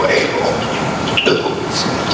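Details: Esophageal speech, a laryngectomy communication method, demonstrated by a speech-language pathologist using air injected into the upper esophagus to vibrate the pharyngoesophageal segment.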